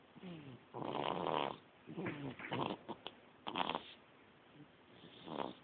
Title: My 2 month old snoring lol!